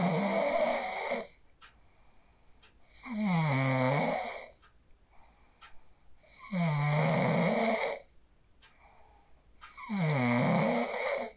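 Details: Phone recording of a sleeper after practicing the 4-7-8 breathing technique: loud, regular vibrating snores about every 3.5 seconds, roughly 17 a minute, with quiet gaps; steady snoring during sleep.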